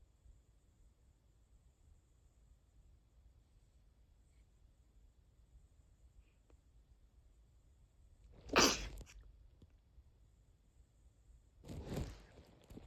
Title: sneeze 59